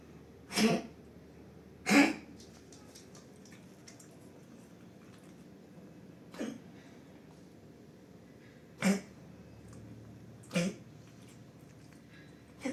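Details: Pug with kennel cough, an infectious tracheobronchitis, that vomited during the first days of illness: about six short, harsh, hacking coughs spaced over several seconds.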